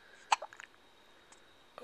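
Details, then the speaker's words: A 3-week-old baby boy with hiccups shortly after feeding: a single sharp hiccup catch followed by faint small noises in a quiet room, with an adult voice talking; infant hiccups. "oh got the ha cups oh they s juicy"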